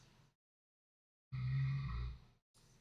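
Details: A single low, rough, rumbling snore lasting about a second on an in-breath, between quiet stretches, heard from someone sleeping behind the speaker: ordinary snoring.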